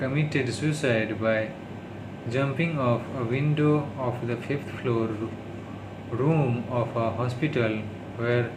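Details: Adult man who stammers, speaking English on day 36 of daily speech-therapy practice; he calls it his worst stuttering, worsened by tiredness, stress and low mood; stuttering.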